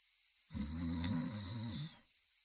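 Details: Sleeping and snoring: one loud, rough, vibrating snore lasting about 1.5 seconds, in an otherwise quiet room.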